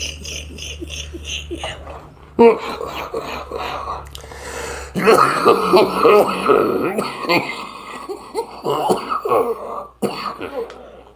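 Several harsh coughs and throat clearing, mixed with laughter and room noise; a plain cough.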